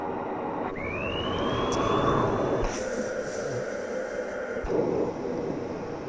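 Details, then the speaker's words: Cough assist (mechanical insufflation-exsufflation) device used by a C5 quadriplegic via its therapy button: machine whine rises, then forceful air rushes in for a few seconds and is pulled back out to clear the lungs. "It blows air into my lungs, for a few seconds, and then it pulls out. So it pulls out anything that is in my lungs and it is such a godsend."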